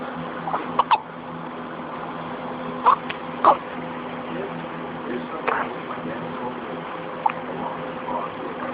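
Short, abrupt throat clicks at irregular intervals, about six in nine seconds over a steady hum; hiccups.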